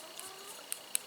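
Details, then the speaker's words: Clicking from an adult's implanted power port used for blood draws, noticed after a car crash with airbag impact; the person thinks it may be broken. Two faint, sharp clicks in a quiet room. "I have a port, like a power port that they put in that they take blood and stuff out of. And now it's clicking. I think I broke it."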